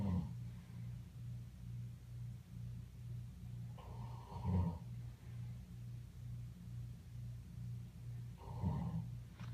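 Low, rumbling snores during sleep, about 13 breaths a minute, over a steady hum in the room.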